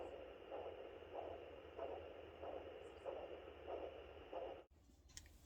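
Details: Maternal heartbeat picked up on a fetal Doppler at 32 weeks of a fourth pregnancy: slow, regular whooshing pulses of about 90–95 a minute, slower than the fetal heartbeat.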